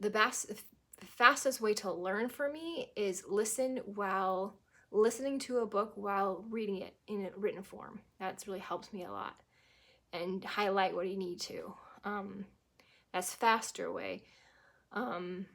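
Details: Adult woman who had a stroke at 18, about 25 years ago, with initially global aphasia (Broca's and Wernicke's); she believes it is now anomic, with word-finding pauses and occasional verb-tense and preposition errors; anomic aphasia.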